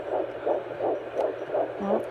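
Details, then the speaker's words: Fetal heartbeat heard at 9 weeks 3 days of pregnancy with a home Doppler probe placed on the mother's abdomen: fast, rhythmic whooshing pulses at about 170 beats a minute. "ur stomach and you can hear the baby's heartbeat it is a miracle it just gives you that reassurance um knowing that you can hear that heartbeat and that your baby's okay"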